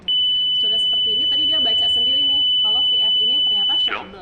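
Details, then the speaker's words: Training demo of a Zoll AED Pro in automatic mode: after the rhythm is analysed as shockable (VF), it charges itself and picks the energy; a steady high-pitched tone with voice prompts signals it is ready to shock. "Bu ini dia sudah charge-nya sendiri juga energinya juga dia Tentukan sendiri dipencet sebelah sini"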